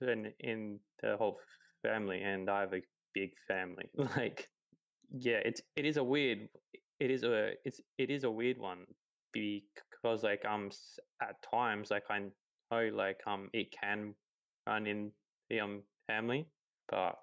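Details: 28-year-old man who has stuttered his whole life, since about age three; stuttering.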